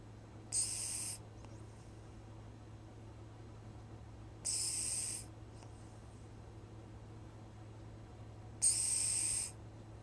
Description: Bull the cat snoring, I couldn't figure out where the odd whistling noise was coming from.